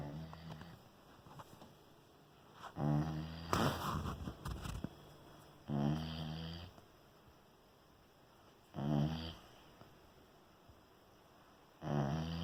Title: Puppy Snoring